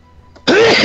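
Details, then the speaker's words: Person sneezing loudly straight into a microphone during a livestream; a sneeze. "sorry guys sorry about that loud noise are you kidding me I just sneeze in the microphone"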